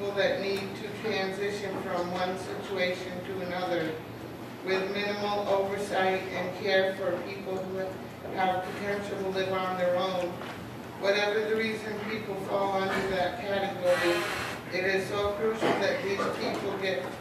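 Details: Adult speaker; normal speech.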